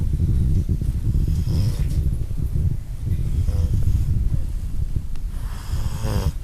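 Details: Kayla sleeping, snoring with a low, rough, rumbling breathing noise with snorting texture.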